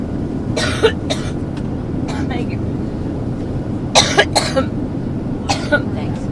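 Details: Repeated harsh coughs in short clusters against outdoor crowd noise, interrupting an adult woman's speech at an outdoor campaign rally; she stops for water: a coughing fit.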